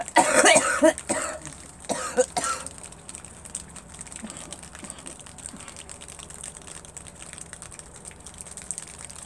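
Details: About four harsh coughs in quick succession from a girl, then quiet room noise; a plain cough.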